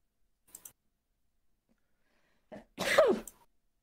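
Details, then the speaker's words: Two faint quick breaths, then a short catch and one loud explosive burst with a falling voiced tail: a single sneeze in a quiet room. "is that a sneeze yeah bless you"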